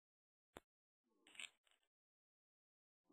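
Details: Persian cat snoring: a quiet click, then one soft, airy, snuffling breath with a faint rattle against near silence.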